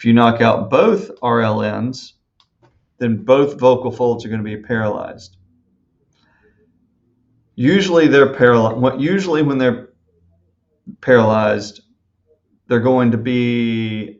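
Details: Adult male speaker; normal speech.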